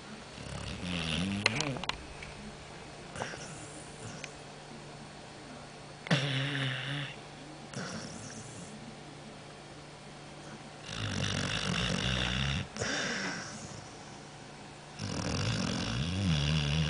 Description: snoring dog